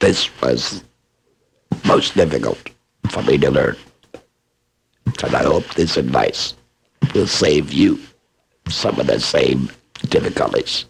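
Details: Adult laryngectomee who is also a speech pathologist, speaking with esophageal voice; esophageal speech after laryngectomy.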